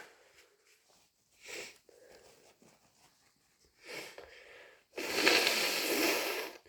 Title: Day 3 of my cold - Tired sneezes and snotty blows